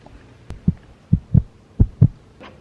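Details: Heartbeat at roughly 70 a minute, heard as soft paired low thumps (about three beats in under three seconds) through a nursing student's own stethoscope, which she says makes sounds much clearer than a classmate's.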